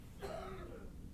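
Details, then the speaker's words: Adult man coughing in the background of a household where the recorder is on quarantine day 10 recovering from COVID-19: a single faint, distant cough with a brief voiced tail over low room noise. "yeah you can hear my husband coughing in the background i'm on day number 10 of quarantine as i recover from covid19"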